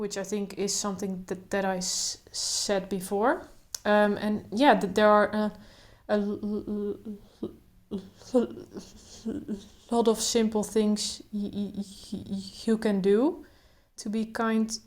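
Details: Adult woman who stutters, including blocks, speaking naturally without trying to control her stutter; stuttering.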